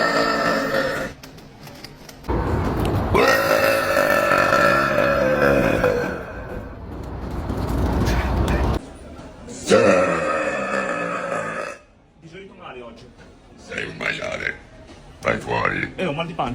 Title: Best public burp moments 🤣#fyp #hiccups #funny